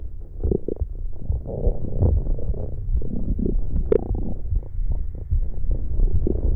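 Low gurgling and rumbling from the belly, irregular and continuous, typical of ordinary stomach growling from gas and fluid moving through the gut.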